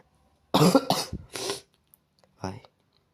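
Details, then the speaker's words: Adult gamer coughing repeatedly while recording a video game session; a burst of several quick coughs, then a softer single cough after a pause; speaker says they cough every few seconds; cough. "Ay es que literalmente como grabé con sonido me vais a escuchar la mitad del tiempo tosiendo"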